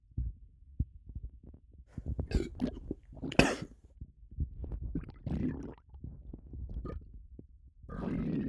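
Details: Stomach rumbling (borborygmi) with a bloated, upset stomach: low gurgling, bubbling rumbles with squelching bursts from the belly.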